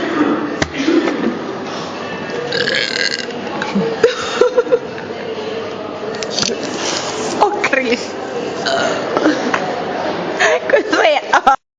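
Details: Girl burping: several loud, drawn-out belches with Italian talk, laughter and some background music.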